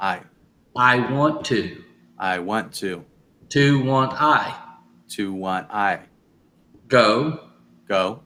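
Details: Adult male speaker; aphasia.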